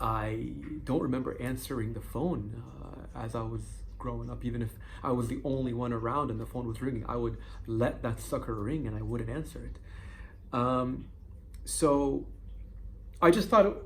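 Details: Adult man who stutters, onset around age 7–8; once extremely severe (over a minute to say his name), now lessened with time; stuttering.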